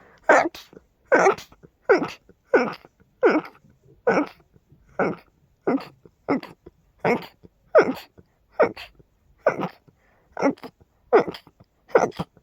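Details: Sneezing fit blamed on dust and pollen: about fifteen forceful, loud sneezes in quick succession, roughly seventy a minute, with quiet gaps between; a rapid sneezing fit.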